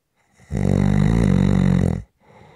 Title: SNORING For Rest Relaxation Sleep and White Noise